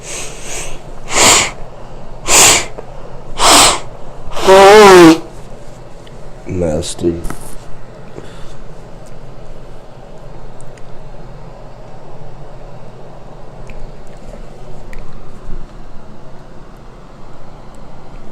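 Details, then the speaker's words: Run of four forceful sneezes, the last drawn out with voice, then snorting and sniffing in a quiet room; powerful sneezing, with a nosebleed noticed afterward. "Oh, that was a really powerful, nasty sneeze."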